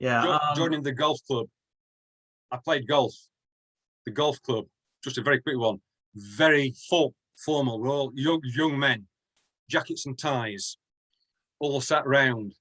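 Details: Stuttering (stammering) in an adult UK male who has stammered since childhood.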